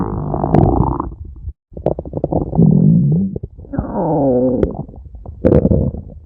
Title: @DellaMason-x9b stomach growling (friend) for @kagaminerinfan2017 ❤️ #stomachgrowling